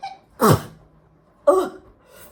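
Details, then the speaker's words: Two sneezes about a second apart, each a sharp burst with a voiced trailing sound, in a sneezing fit after sniffing pepper; sneezing. "oh gosh already it's getting up my nose I'm going to sneeze I'm going to sneeze a lot"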